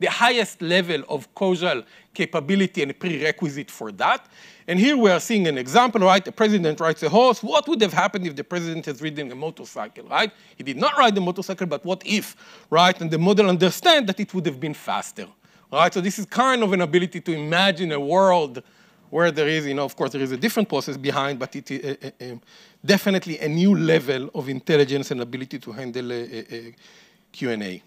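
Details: Adult male speaker; ordinary speech.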